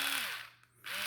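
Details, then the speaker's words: Two-speed, two-head electric toothbrush with the incisors placed in its guide, switched on at high speed: a high buzzing motor winds down, stops briefly, then restarts at a lower speed. "and then you will effectively turn the brush on that's high"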